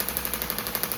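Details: Radial shockwave therapy self-applied by a perimenopausal woman to myofascial soft tissue of her shoulder, injured by a childhood dislocation at about age 11, week 1; rapid steady clicking about 12 pulses a second; radial shockwave device firing.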